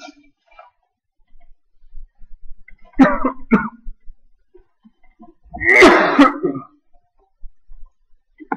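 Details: Coughing fit recorded in a quiet small room in Amacayacu Park, Amazonas, Colombia: a few harsh throat-clearing coughs, then one louder, forceful cough burst.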